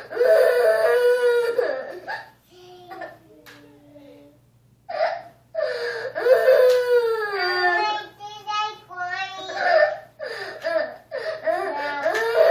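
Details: Child crying after being hit by his little brother: long, tearful sobbing and wailing cries with catching breaths between them; ordinary upset crying.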